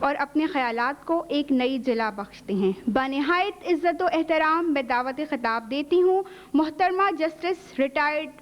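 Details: Adult woman speaking; normal voice.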